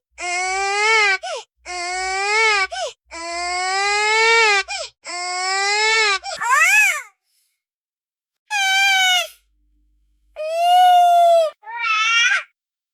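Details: Sound-effect recording of a baby monitor cry alert: loud, rhythmic infant wailing in repeated bursts with brief pauses; infant cry.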